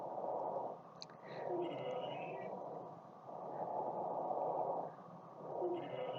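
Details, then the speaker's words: Abnormal breath sound example, ear to upper back or chest during forceful breathing: wheeze. "这是一个异常的喘鸣声，这个是细小的肺泡发炎的声音，这是上呼吸道阻塞的一个喘鸣声，"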